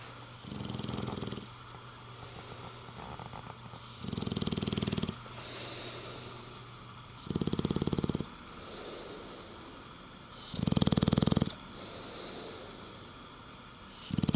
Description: Compilation of some never before seen footage of a wild Porkchop the English Bulldog snoring.